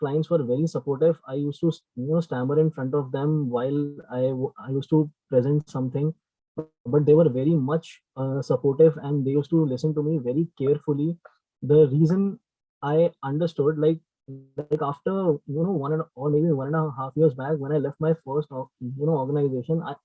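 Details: Speech of a person who stammers, hosting a series on people who stammer; stuttering.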